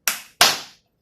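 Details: Two sharp claps in quick succession imitating normal paired first and second heart sounds, a regular, continuous rhythm, followed by a pause; simulated, taught in a cardiorespiratory therapy auscultation lesson.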